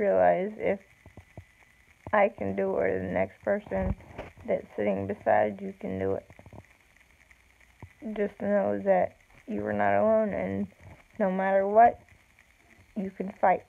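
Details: Woman with self-reported cerebral palsy, no specific speech disorder named; slow speech with long pauses (cerebral palsy).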